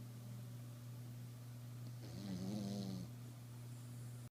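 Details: Single low, vibrating snore over a steady background hum; snoring.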